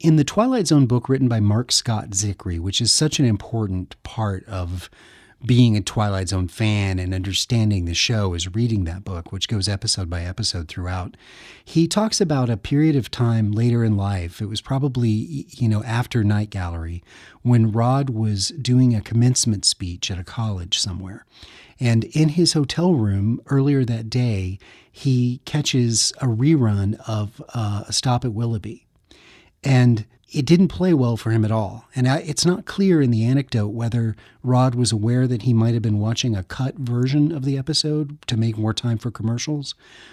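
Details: Adult man speaking; typical speech.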